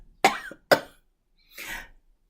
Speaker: word number three cough verb to force air out of your lungs through your throat with a short loud sound